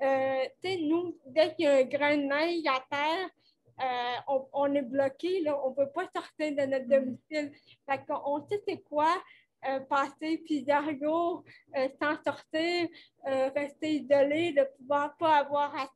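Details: 29-year-old woman with cerebral palsy caused by lack of oxygen at birth, speaking French in an interview; she appears to mention speech difficulties; finding: dysarthria associated with cerebral palsy.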